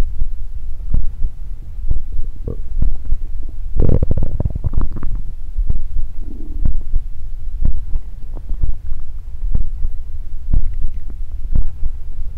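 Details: Close-miked stomach growling recorded for body ASMR: loud, low rumbling and gurgling bowel sounds throughout, ordinary bowel activity (borborygmi).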